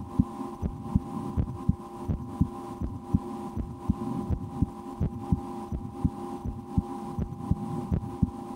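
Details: Own heartbeat heard through a stethoscope in a relaxation recording, breath held a couple of times while trying to speed the heart: regular lub-dub about 80 beats a minute over a steady low hum; heartbeat.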